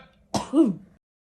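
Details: Barking cough: a single harsh cough with a hoarse, honking voiced tail.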